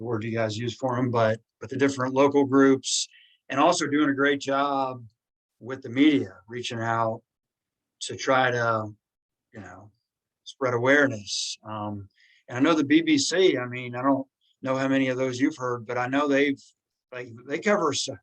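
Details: Adult woman, a primary school teacher who has stammered since childhood and has had speech therapy since childhood, speaking spontaneously in a real podcast interview; stuttering.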